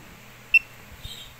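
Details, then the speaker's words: Fingertip pulse oximeter on an adult father's finger: pulse beeps at a normal, not fast rate; reading 96% oxygen saturation, pulse rate 65. "So may naririnig kayong sound so sa Sound pa lang may idea na kayo kung mabilis ba o ma o mabagal yung tibok ng puso"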